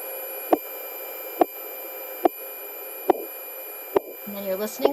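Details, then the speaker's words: Korotkoff sounds heard through a stethoscope as a blood pressure cuff deflates during a nursing skills demonstration: sharp, regular tapping at about 71 a minute, from first appearance to disappearance. "can pick out the first sound and the second sound so it's when the sound comes on and when the sound actually goes away you're going to be able to hear them pretty closely"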